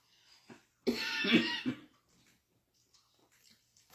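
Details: A single harsh, throaty cough burst lasting under a second, from a grandmother, with quiet room noise before and after.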